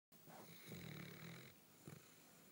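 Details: Nearly 4-year-old Basset Hound snoring on the lounge after a busy day of playing: a low, rattling snore on a breath in, then a softer second breath.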